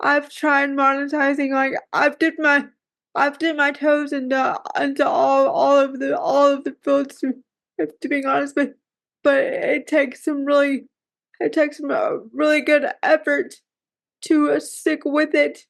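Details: 34-year-old woman with cerebral palsy who says it is hard for her to talk; dysarthria (cerebral palsy).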